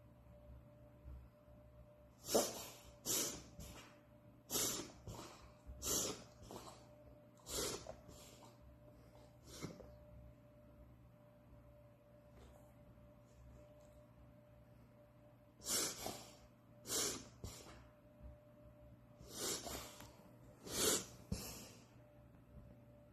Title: Reverse Sneezing in Dogs